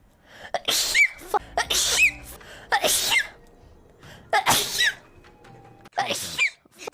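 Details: Five high, sharp sneezes, each with a quick in-breath first, edited together with faint background music, from a streamer's sneezing compilation recorded 2021–2025.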